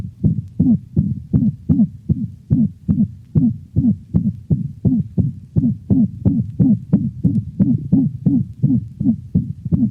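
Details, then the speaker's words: Dog with atrioventricular valvular insufficiency: rapid heartbeat with a high-frequency musical whoop in systole, varying in frequency and possibly alternating with the mixed holosystolic murmur of mitral insufficiency; systolic whoop murmur. "the musical hoop varies in frequency and may alternate with the more common mixed holosystolic murmur of mitral insufficiency"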